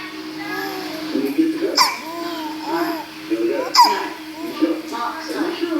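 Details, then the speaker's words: Baby babbling and cooing, broken every two seconds or so by short, sharp hiccups while a parent talks soothingly to the baby. "Yeah? What's the matter, baby? What's the matter, mama? Yeah? Oh my God. Yeah? You got the hiccups, baby?"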